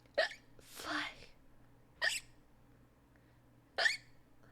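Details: Squeaky hiccups: three sharp, squeaky hiccups a couple of seconds apart, with a faint breath between; ordinary hiccups.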